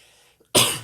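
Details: Adult with a cough persisting two months after a cold that interrupts conversation: after a moment of quiet, one abrupt, harsh cough or throat-clearing burst.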